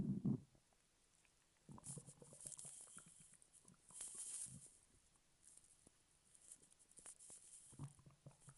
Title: stomach growl in 3 minutes a 5 seconds